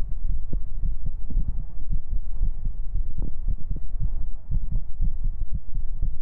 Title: 【3DIO ASMR】 stream highlights ♡ tappies, heartbeats, nyans, kisses, lots of tingles ♡ 【VTUBER】